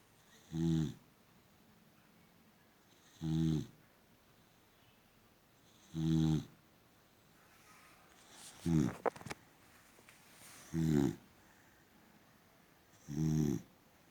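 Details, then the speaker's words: Sleeping female boxer dog snoring: regular short, rattling snores roughly every 2.5 seconds, about 22 a minute, with quiet in between. "Peacefully sleeping. Immediately open the eyes. Are you snoring and sleeping, gorgeous?"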